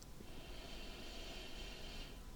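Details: Simulated ASMR doctor checkup, lungs auscultated while the patient takes deep breaths: one slow, smooth deep breath with a soft airy hiss and low rumble. Lungs sound clear, no crackles; normal breath sounds.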